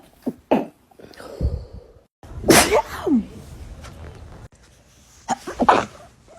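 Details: Sneezing compilation clip: several short, sharp sneezes with quick intakes of breath between them, in a small room.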